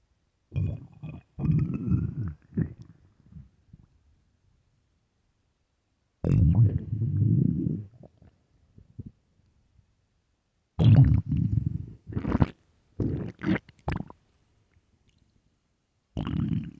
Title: am I hungry? (stomach growls)